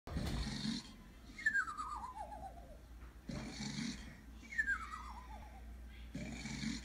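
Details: Snoring with a nasal whistle: rough snorts on inhalation alternating with falling whistles on exhalation, about 19 breaths a minute.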